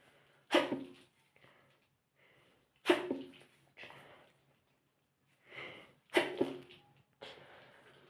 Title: stifle sneezing